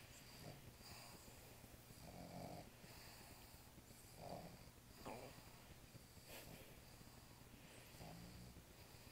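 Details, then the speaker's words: Soft, regular rattly snores about every two seconds over steady room hum from a sleeping dog. "No, nobody's gonna believe that that's the dog snoring and not you."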